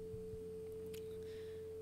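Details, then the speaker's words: Steady 440 Hz pure tone from an online tone generator, used to match tinnitus pitch; pure tone for tinnitus pitch matching. "là vous entendez je passais un petit peu ici donc là vous entendez la fréquence 440"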